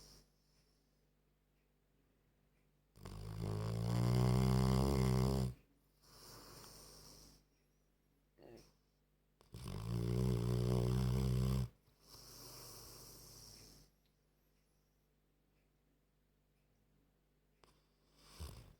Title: funny old stafford terrier snoring like a human